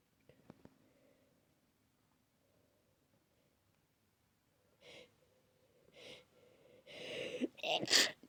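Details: A person whose nose is very sensitive, itchy and clogged takes quick in-breaths that build to a run of explosive, wet, snotty sneezes, not a cough.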